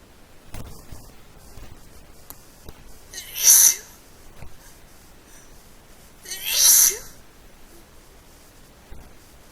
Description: I'm trying to fufill this request to annonce my sneeze, well I tried anyway,and they were so wet!!!!